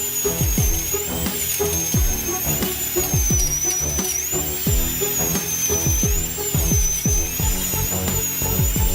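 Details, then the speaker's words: Dental drill during surgical extraction of an impacted wisdom tooth under local anaesthetic, a round bur removing alveolar bone and then sectioning the tooth: high whining drill pitch rising and falling as it cuts, low thumps, music underneath. "这时要用球钻削一点牙槽骨，通俗点讲，就是用电钻钻你的骨头。这时你感觉不到疼痛，但能听到电钻声，还能感受到电钻的震动，整个头都嗡嗡的。"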